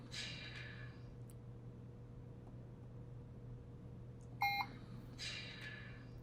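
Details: Puritan Bennett 560 ventilator in pressure-based mode, maximum pressure being dialed up to 45 cmH2O: single short keypad beep during setting change, with steady machine hum and faint breath-cycle whooshes.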